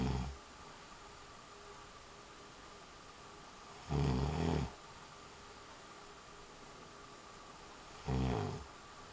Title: Snore? Not me.